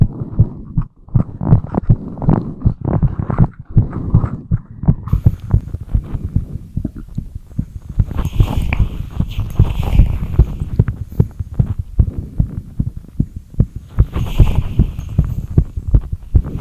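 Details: Rapid heartbeat (tachycardia): fast, low thumping heartbeats at roughly 150 a minute, with a somewhat uneven rhythm.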